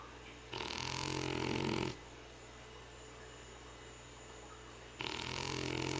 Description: Our new French/English Bulldog mix snoring.